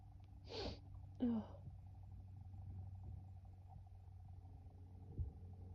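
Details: Female sneezing: a quick indrawn breath followed by one sharp, voiced sneeze, then quiet room noise; a single ordinary sneeze.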